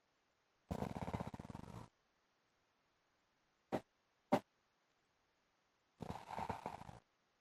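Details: Adult man (husband) snoring during sleep: two long, rattling, engine-like snores likened to a motorbike, about five seconds apart, with two brief snorts between; heavy snoring.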